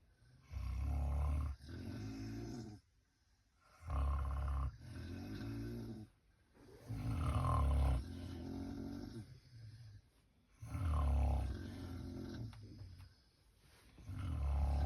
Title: WOMAN SNORES LOUDLY NOBODY CAN SLEEP🤪🤪🤪